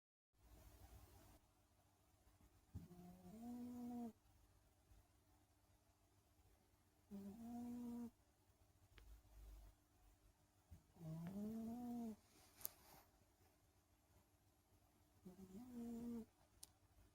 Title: Snoring cat